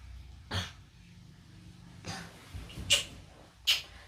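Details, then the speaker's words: Child asked to breathe deeply and cough during a nursing practical exam on chest physiotherapy with postural drainage; sputum found in the upper lungs: a few short, soft, weak voluntary coughs. "Setelah itu, kita anjurkan anak teknik tarik nafas dalam dan batuk efektif."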